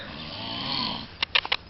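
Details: Snoring presented jokingly as a fierce wild animal: a rough, rattling snore on a long breath, then a few short snorting pulses; ordinary snoring.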